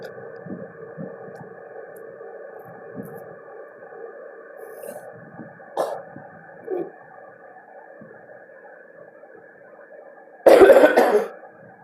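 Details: A person coughing while vaping: one loud, harsh cough burst near the end, after quiet room sounds and faint movement.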